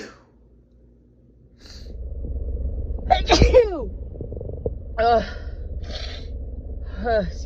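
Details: Woman with a Christmas head cold: a quiet lead-in, then a loud sneeze burst with a drawn-in breath, followed by two smaller sneezes; from a set of big teasing sneezes and doubles.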